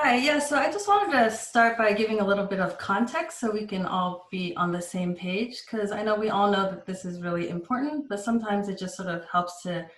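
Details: Adult woman speaking; normal speech.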